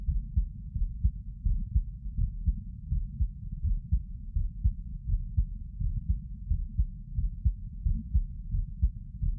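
Muffled low thudding heartbeats, roughly 80 a minute, over a steady rumbling background; resting heartbeat while sitting.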